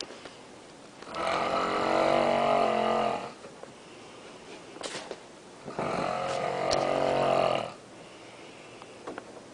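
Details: Heavy snoring from a person sleeping in a hotel room: two loud, rough, rattling snores on breathing in, each about two seconds long, with quiet pauses between.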